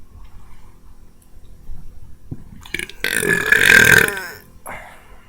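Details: Deliberate burping from a burp video: a single loud, prolonged, rattling burp lasting about a second, with a short trailing sound.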